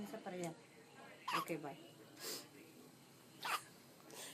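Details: Young girl (niece) with hiccups: brief sharp catches of breath recur about once a second, with soft talk around them.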